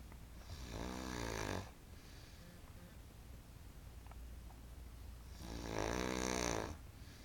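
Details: Two loud buzzing snores on the in-breath, about five seconds apart, with quiet breathing between; very loud snoring at roughly 12 breaths a minute.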